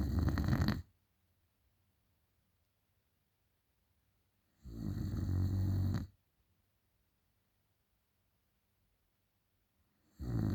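Loud, low rattling snores about five seconds apart, roughly 12 a minute, with silent pauses between them: ordinary snoring.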